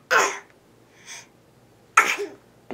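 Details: Two sharp, explosive bursts of air about two seconds apart, each a forceful sneeze, in a quiet room.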